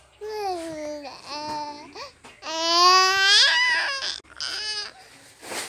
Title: Funny Tongan baby crying🤣🤣